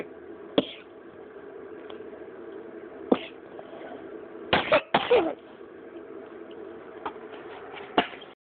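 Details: Coughing, recorded on 2/26.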